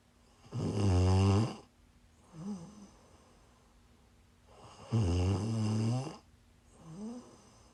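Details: Person snoring during sleep while sick, on a live stream: loud, deep rattling snores on each in-breath with softer out-breaths, two breath cycles.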